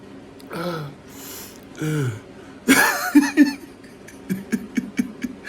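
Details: An adult gives a couple of falling vocal groans, then a sharp explosive cough followed by short bursts of laughter; cough.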